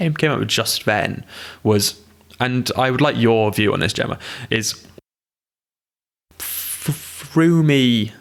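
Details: Adult who stammers, in conversational speech; stammering.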